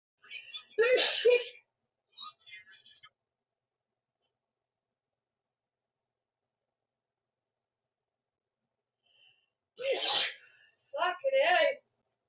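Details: Two forceful sneezes from a woman, each with a short breathy lead-in and a sharp burst, separated by silence, part of a sneezing fit she calls her fourth in a row: sneezing.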